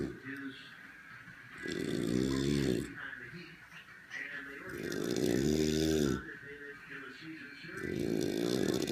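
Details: Snoring by an elderly man (grandfather): three loud, rough, vibrating snores on in-breaths, about 20 breaths a minute, with quieter breathing between.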